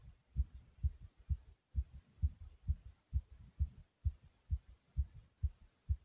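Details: Own heartbeat after almost 100 jumps in place: strong, regular low thumps at about 130 beats a minute, fast and thumpy; a normal fast heartbeat after exercise.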